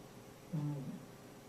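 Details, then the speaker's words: Simulated mild high-frequency hearing loss, volume turned all the way up: spoken spelling-test words (bath, pearl, sour, mouse, learn) sound muffled with crisp high-frequency sounds missing, as heard without a hearing device. "this has turned all the way up here's the last test a sympton of a mild high frequency hearing loss"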